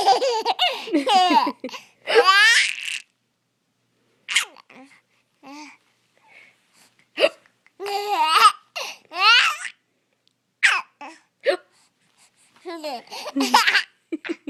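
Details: Infant almost 5 months old laughing at fake hiccups: brief imitated hiccup sounds followed by bursts of hearty infant laughter; the hiccups are imitated, not real.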